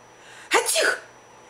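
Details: A single sharp, explosive sneeze from a cat in a quiet room; sneezing.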